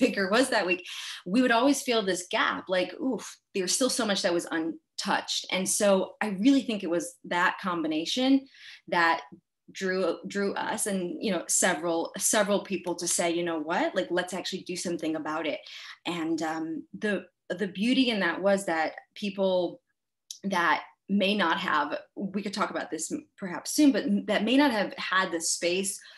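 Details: Adult person who stutters, with word repetitions; stuttering.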